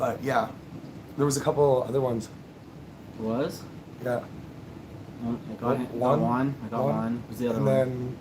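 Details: Adult man speaking; Ordinary speech.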